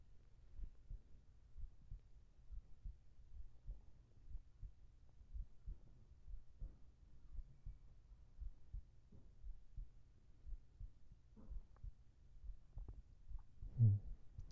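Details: Soft, muffled, regular low heartbeat thumps, about 65 beats a minute, under a low hum, heard as part of a binaural ASMR sleep recording meant for earphones; normal heartbeat.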